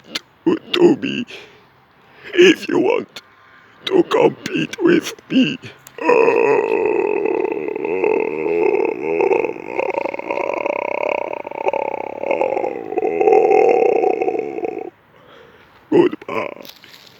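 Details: Person with a voice problem who says they cannot speak and only burp: short voiced sounds, then one long, steady, rumbling belch lasting about nine seconds, then a brief sound; a prolonged burp.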